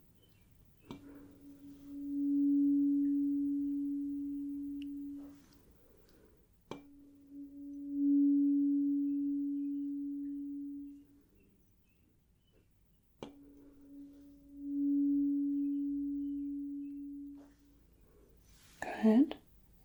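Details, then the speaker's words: Simulated medical exam (roleplay): a struck mid-range 256 Hz tuning fork rings with a pure tone during a left-versus-right hearing test. "okay good and let's go with the midrange"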